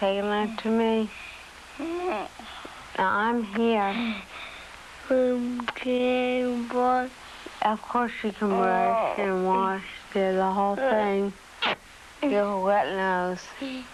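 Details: Adult woman with dystonia musculorum deformans for nearly 30 years since age 10, beginning as writer's cramp and spreading through the whole body; speech improved after surgery but still noticeably impaired; dysarthria in dystonia, from a 1982 film.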